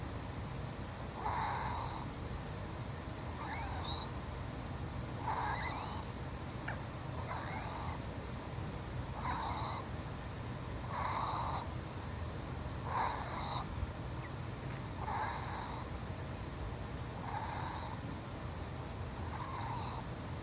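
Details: A cat's breathing carries a rhythmic, whistling, squeaky wheeze with each breath over a low rumbling background: wheezing.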